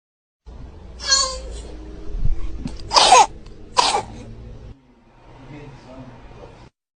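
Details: Baby coughing: a baby's voice followed by two short, forceful coughs over a faint room hum.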